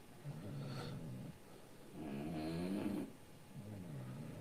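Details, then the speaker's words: Sleeping dog snoring mostly through the nose: repeated low, buzzy snores about every two seconds. "I know that too it's mostly from his nose"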